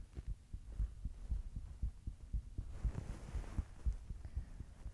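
Steady, regular low thumps of a heartbeat at roughly 118 beats a minute, with a faint hum in the background.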